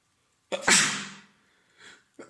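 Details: Adult man with a head cold, congested and runny nose, sore throat: a single forceful sneeze with a sharp explosive burst and a fading airy tail, then a faint breath.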